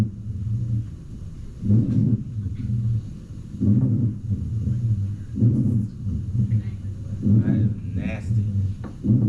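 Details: Rhonchi played during a nursing class lung sound review, following fine and coarse crackles.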